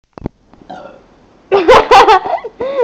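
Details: Deliberate burping after drinking soda: a long, loud voiced belch with a rough, gurgling tone and several surges, preceded by a few faint clicks.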